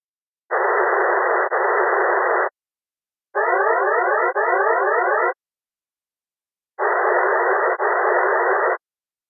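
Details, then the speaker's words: An Audible Contrast Threshold hearing-in-noise test stimulus at a starting level of 16 dB NCL: three two-second bursts of hissing noise, with the middle burst carrying a sweeping, warbling siren-like target. "As soon as you press ‘Start’, your client will hear episodes of noise. The test starts at 16 dB NCL. Press only once to deliver the siren at this intensity."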